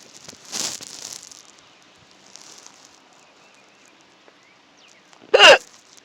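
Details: Hiccup recorded in a car: a faint catch near the start, then one sharp, abrupt throat spasm with a short voiced click, against quiet car noise.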